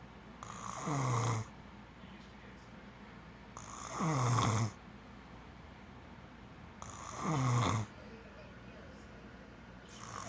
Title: Y'all a bore you make me snore 😴😴😴